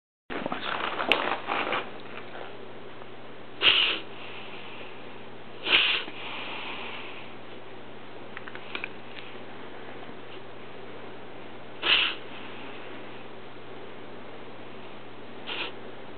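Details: Pet with sharp snorting, sniffing inhalations at intervals, owner describes it as wheezing; vet diagnosed reverse sneeze.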